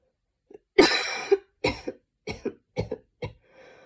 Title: tried some breathing techniques to cough the mucus out, turned barking instead :/